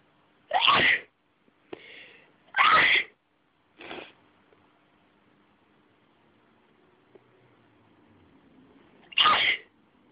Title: Sneezing Fit.. too sneezy D: